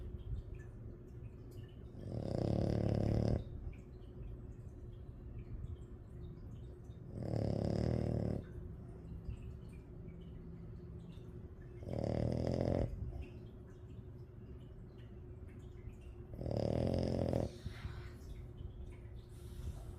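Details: Female French bulldog snoring while asleep with her eyes open: loud, rough snores about once every five seconds, roughly 12 a minute, over a steady low hum.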